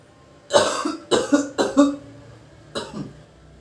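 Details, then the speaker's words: Four deliberate coughs, three close together then one after a pause, from a man in a simulated nursing demonstration of effective cough technique for clearing sputum after deep breathing. "Kemudian hembus ditarik nafas yang ketiga, Bapak langsung batukkan langsung ke Bapak ya, ke seputumnya."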